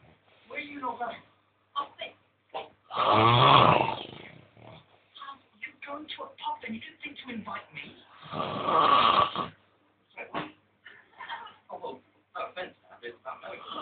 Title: snoring from hell,2